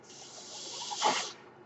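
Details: A breath from the speaker's own mechanical ventilator: a soft airy hiss swells to a peak and then fades over about a second.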